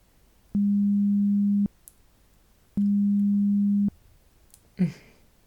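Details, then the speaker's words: Simulated hearing-test roleplay (ASMR ear exam), listener waiting for the second beep: two steady low pure tones, each about a second long, separated by silence; hearing test tones. "Now, once again, wait till the second beep sound and then let me know when you hear it."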